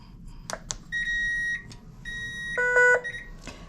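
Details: Clicks then a series of electronic start-up beeps and tones as a Respironics V60 BiPAP machine, plugged into the wall with oxygen connected, is switched on; normal power-on alert.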